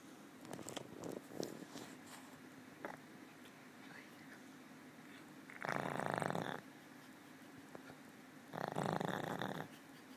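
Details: Snoring in an old female pug that sleeps most of the time and snores habitually: two loud, rough snoring breaths about three seconds apart, with quiet room noise between them.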